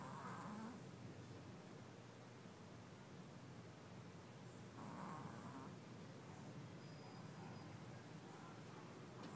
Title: Little dog with a loud snore